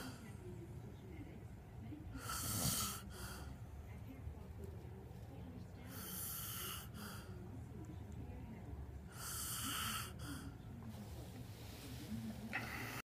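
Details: Adult snoring while sleeping in a shared bed despite a snore strip that failed; faint, hissy snoring breaths with whistling at the nose on some breaths over a noisy background.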